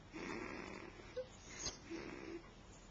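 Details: Snoring recorded during sleep on a Flip Video camcorder: soft, rough breathing sounds with a brief snort over room noise, light snoring.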